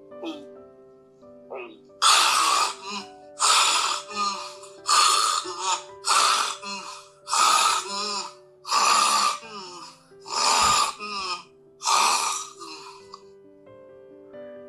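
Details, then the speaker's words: Home recording of a sleeping adult with severe obstructive sleep apnea who had failed CPAP: a rapid series of loud, rough, forceful snorting breaths on waking after the airway closed: gasping arousal after obstructive apnea. "잠이 깼다가 숨을 거칠게 몰아시고 다시 잠에 들어가면 또 숨을 못 쉬십니다"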